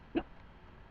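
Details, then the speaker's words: A single short, abrupt voiced catch in a quiet room: hiccup from a speaker whose hiccups have persisted all day while she talks, after a week of being sick. "Okay, I'm going to shut the hell up because I have the hiccups."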